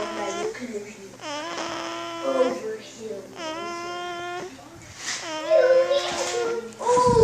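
Short whimpering cries from an infant, repeating irregularly, with adult voices nearby in a small room; an ordinary infant cry.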